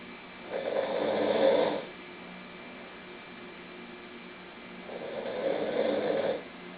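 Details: Snoring: two long, rough, rattling breaths a few seconds apart, with quiet in between.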